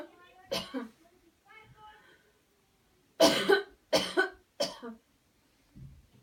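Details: Demonstration of the cleansing-healing coughing technique during coached counted breathing: brief voiced sounds, then three forceful deliberate coughs about half a second apart to clear the airway, followed by a faint low noise.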